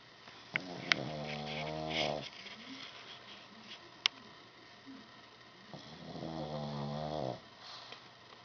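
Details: A sleeping pug's loud snoring: two long, rattling, buzzy snores on the in-breath with quiet snuffling between; snoring in a flat-faced dog.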